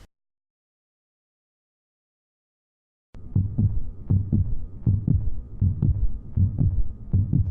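After three seconds of silence, steady low thumping heartbeats play, a normal heart rhythm.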